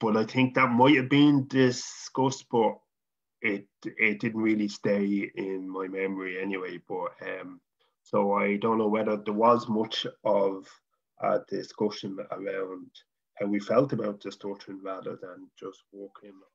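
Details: Adult man from Dublin, Ireland, who stutters, speaking English; stuttering.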